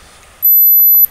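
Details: Brief, very high-pitched steady beep lasting about half a second, a 12 kHz tone from an online hearing-age test.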